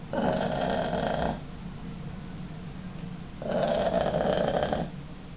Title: The New Snore.AVI